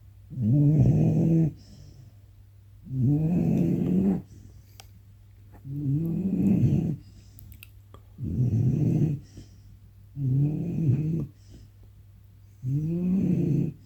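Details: Sleeping 19-week-old snoring: deep, rumbling snores repeating steadily, about 25 per minute, with quiet pauses between; ordinary sleep snoring.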